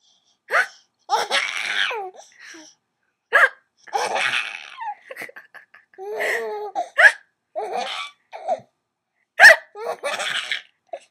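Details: Hiccups: bursts of laughter interrupted by sharp, sudden catches of breath, irregular at about 25 per minute.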